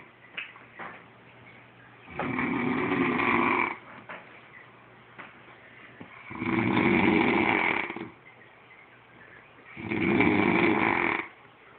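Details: Loud, rough snoring on each in-breath, three long snores about 17 a minute with quiet gaps between, likened to a horse; ordinary heavy snoring.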